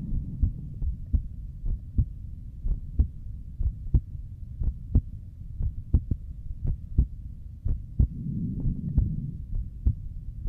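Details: A streamer's own heartbeat picked up by a microphone during an ASMR stream, steady low thumps at about 60 a minute over a faint hum; the streamer says it is beating hard, with two normal pumps then two very hard ones; a normal heartbeat.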